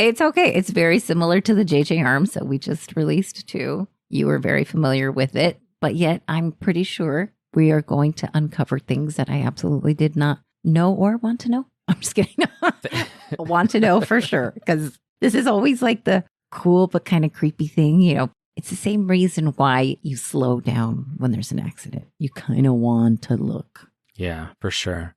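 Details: Adult woman speaking; normal voice.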